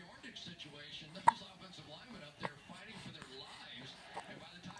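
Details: An infant cooing softly has a single sharp hiccup, then a second weaker catch later, over quiet room noise.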